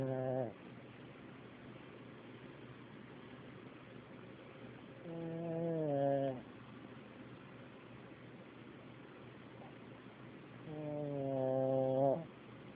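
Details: Recorded on an Android phone: a buzzing, rattling snore on each breath, about 10 a minute, sliding downward in pitch over a steady low hum.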